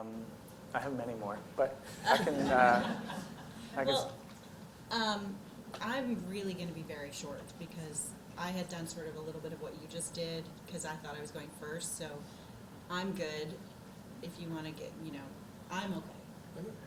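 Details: Adult speaker at a lecture; normal conversational speech.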